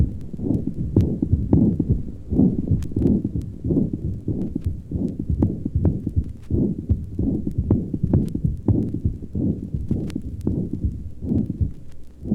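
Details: Systolic murmur with irregular rhythm (atrial fibrillation).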